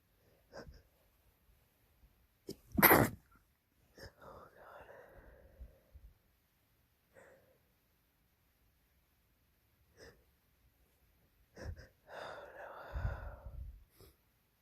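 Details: A male's sneeze: a sharp, explosive sneeze with breathy intakes, then sniffs and soft follow-up sounds.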